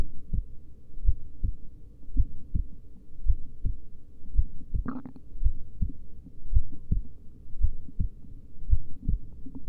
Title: Slowly heartbeat sounds